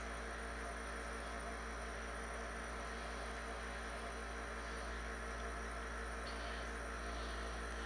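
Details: Nebulizer compressor running: steady mechanical hum with a constant airy hiss and no breaks.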